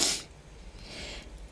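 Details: Young Chinese woman who says she suddenly developed rhinitis this year: one sharp, hissing wet sneeze burst, then quiet breathing and room noise; allergic sneeze.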